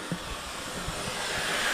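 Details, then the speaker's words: Steady airy hiss of suction with a few low knocks, rising slightly toward the end, in a dental operatory unit after a kinked, intermittently blocked suction hose was replaced; suction drawing normally after repair. "let's open the valve with it all the way down and make sure that we still got good suction guys that's"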